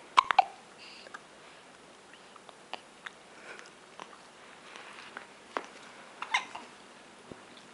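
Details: Baby lying on his mat with hiccups, fussing: short, sharp hiccup jerks at irregular intervals in a quiet room; hiccups.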